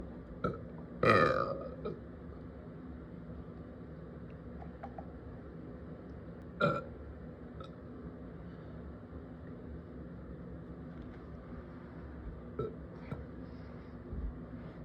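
One loud rumbling burp, then a few smaller burps, over steady background noise.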